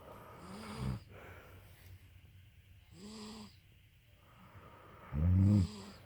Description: Like mama like baby let's snore together